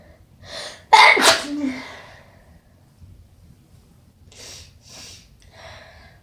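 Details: Strong wet sneeze: one loud, explosive sneeze with a sharp intake before it, followed by several quieter sniffs.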